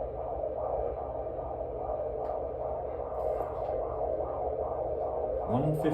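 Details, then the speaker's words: Fetal heartbeat on Doppler at a 35-week pregnancy appointment: rapid, regular whooshing pulses at 149–152 beats a minute, totally normal and healthy sounding. "Totally normal. Nice and healthy sounding."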